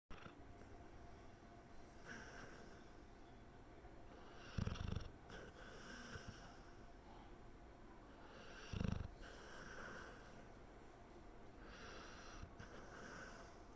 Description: Squeaky is dreaming hard and snoring loud :)